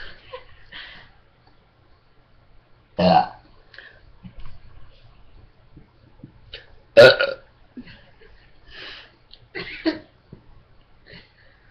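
Two loud, low, rumbling belches stand out among quieter voices and laughter in a room; ordinary burping.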